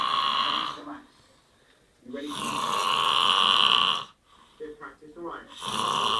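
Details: Person snoring: loud, harsh, drawn-out rattling breaths separated by brief pauses; heavy snoring.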